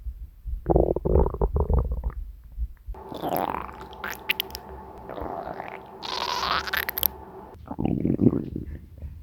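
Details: Hungry stomach growling (borborygmi) recorded from the uploader's own stomach: loud gurgling and rumbling with squeaky, drawn-out tones.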